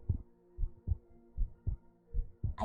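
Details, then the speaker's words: Heartbeat recorded live on a binaural (3Dio) microphone during an ASMR stream, described as pretty audible: soft, regular low thumps, about 90 a minute, with a faint steady hum underneath; ordinary heartbeat. "I don't think we've done heartbeats this successfully before. They're pretty audible."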